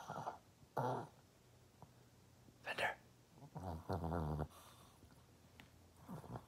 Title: Fender in REM sleep + snoring